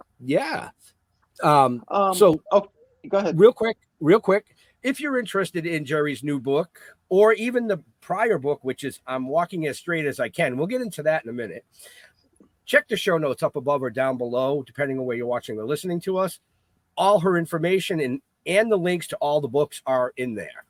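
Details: Adult podcast host; typical speech.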